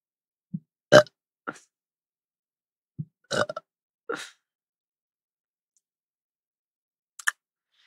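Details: Burp compilation from a Korean livestreamer: several loud, low, gurgling belches in a quiet room, about six separate bursts over eight seconds: burping.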